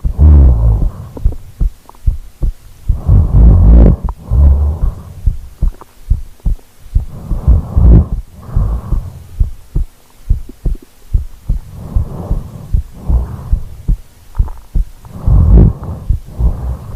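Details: Heartbeat recorded in real time during sleep after rolling over, with snoring: deep muffled thumping and heavy breathing picked up through the body.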